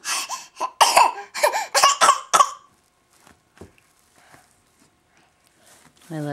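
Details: An infant boy deliberately fake coughs: a quick run of about six short, forced coughs that imitate coughing rather than reflect illness.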